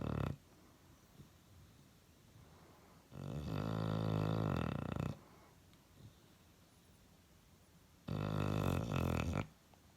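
Long, low, rattling snores about every five seconds, roughly 12 a minute, with quiet gaps between: a sleeping dog snoring.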